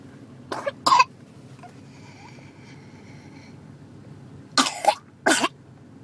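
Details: Three-year-old vaccinated girl with whooping cough (pertussis) gives two short clusters of harsh coughs; not her worst episode, as fits can leave her gasping for air and vomiting, with the cough expected to last at least three months.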